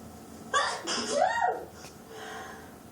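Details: A woman with very dramatic sneezes, part of a sneezing attack: a single loud, drawn-out sneeze with a rising-falling voiced 'achoo' tail.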